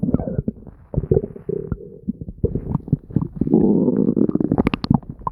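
Continuous bubbling, gurgling and squeaky rumbling with frequent pops; ordinary loud stomach noises.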